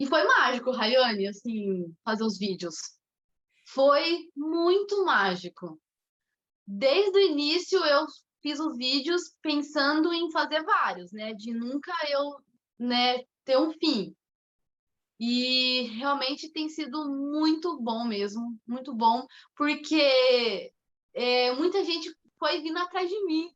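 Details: 25-year-old woman, Portuguese speaker, with mild stuttering beginning around age two and a half to three; stuttering.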